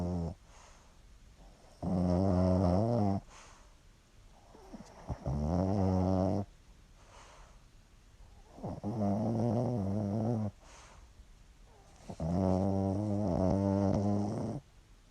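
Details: Snoring during sleep: four loud, vibrating snores at about 17 breaths a minute with quiet pauses between.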